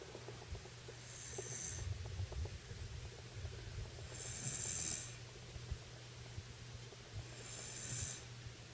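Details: Adult woman asleep on a bed after a bath, who says she does not snore: three low, rattling snores about three seconds apart, each with a faint high whistle, about 20 breaths a minute; snoring.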